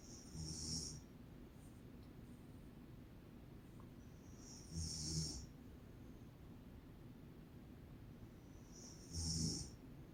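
Slow snores about every four to five seconds, each with a low rumble and a hissy, whistling top: snoring.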